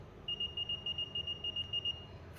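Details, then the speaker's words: Digital clinical thermometer fever alarm: a rapid series of about ten short high-pitched beeps at a reading of 40.8 degrees, taken from resin rather than a patient. "It's beeping because it's saying my patient's got a fever."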